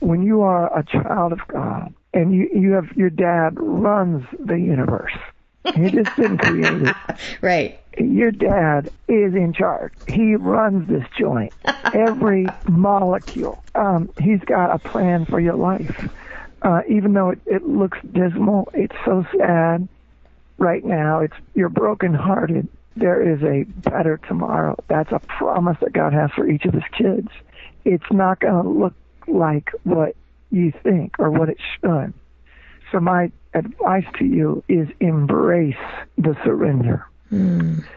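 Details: Spasmodic dysphonia, involuntary spasms of the muscles around the larynx, in an adult man, a former rock band lead singer, diagnosed with the condition, which left him unable to sing.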